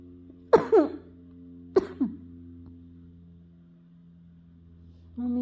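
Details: Two short coughs with a rough trailing catch over household hum, possibly a pet galah (talking parrot) imitating its mother's coughing; owner says mommy is sick; cough.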